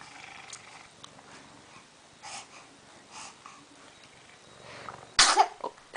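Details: A pet dog, described as awfully sneezy, gives soft snorting nasal puffs and then one loud, sharp sneeze, part of a sneezing fit.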